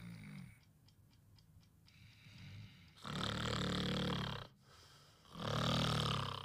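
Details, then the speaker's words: Snoring: during sleep relaxed muscles let the tongue fall back, narrowing the throat so the uvula and soft palate vibrate, producing the typical snoring noise. "im Schlaf entspannen sich die Muskeln die Zunge singt im Gaumen zurück dadurch wird der Rachen eng die Luft strömt mit erhöhtem Druck heißt Zäpfchen und Gaumensegel beginnen zu vibrieren es entsteht das typische Schnarchgeräusch"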